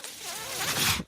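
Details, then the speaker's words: Speaker's own mechanical ventilator heard during a podcast recording: a brief airy hiss with a faint rising whistle as it pushes a breath; mechanical ventilator sound. "my name is renan that noise you're hearing is my ventilator"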